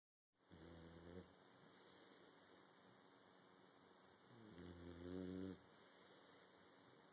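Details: A sleeping pet snoring loudly: two low, buzzing snores about four seconds apart over a steady background hiss.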